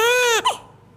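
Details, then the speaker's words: Newborn's cry: clear and tonal, holding a steady pitch then ending in a brief louder rising burst. "de eerste is een Duitse baby en daar is eigenlijk niks bijzonders aan die huilt zoals je het zou verwachten die zet druk op zijn keel Druk valt weg toonhoogte gaat"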